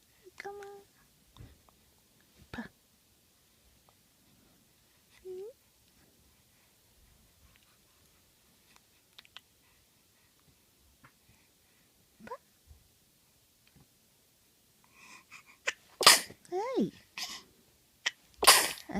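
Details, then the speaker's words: Soft coos and small squeaks from a smiling baby, then two short, sharp sneezes near the end; brief quiet adult voice in the background; sneezing. "くしゅん。くしゅん出た。あ、くしゅん出た。"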